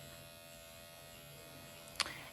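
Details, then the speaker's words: Microneedling pen at 1 mm depth, used by the practitioner on her own forehead, kept shallow because of forehead pigmentation: steady high electric buzz of the pen running, with a brief click near the end. "And I just have 1 millimeter right now because I have some pigmentation in my forehead. So I definitely don't want to go deeper than that."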